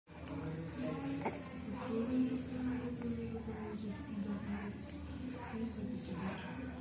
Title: A Happy wheezer.